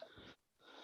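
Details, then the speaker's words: A dog snoring in the background during a conversation, noticed by a speaker. "Question, Lee, is one of your dogs snoring? Yes, he is. Did you hear it? I was sat here and I was like, I swear I can hear someone snoring."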